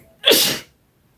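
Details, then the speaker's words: Single loud explosive sneeze with sharp onset and breathy release, during an allergic rhinitis attack in a woman sneezing nonstop since waking despite medication and vitamin C. "ai meu Deus do céu gente não dá não tem condição gente desde a hora que eu acordei que eu tô nessa situação espirrando sem parar"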